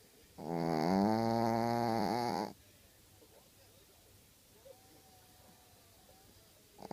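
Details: A dog that snores a lot snoring in sleep: one loud, buzzing snore lasting about two seconds, then a quiet pause before the next breath.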